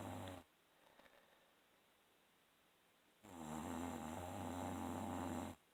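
A low fluttering snore, then a long quiet pause, then another long rumbling breath: snoring.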